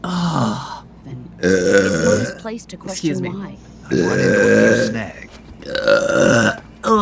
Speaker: god. >> Oh, that was gross.